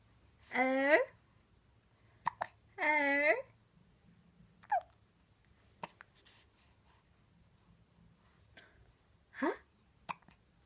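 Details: A baby chatting in a morning session with her mother makes cooing babble broken by short, sharp hiccup clicks, irregular, about one every few seconds; hiccups.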